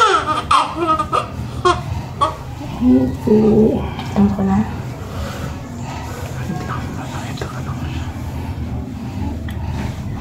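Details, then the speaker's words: Newborn's first cry immediately after normal vaginal birth with cord coil: brief thin wailing cries amid room noise and voices; normal newborn cry. "Wait lang Teka lang paiyakin muna natin okay okay iyak na si baby iyak na baby"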